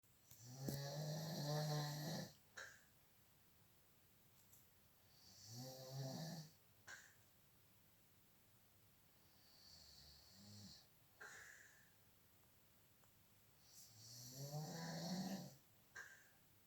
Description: That what I hear a 1 everynight